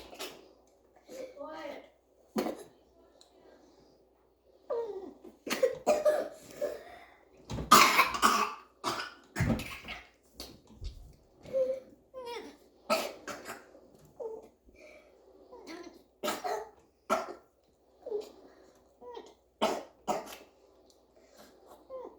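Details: A young girl has a coughing fit on first waking up: a run of repeated harsh coughs in quick bursts.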